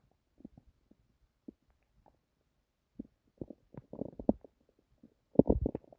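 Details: Adult's stomach recorded while trying to sleep: irregular gurgles and low rumbling pops. Typical bowel sounds (borborygmi) of gut activity.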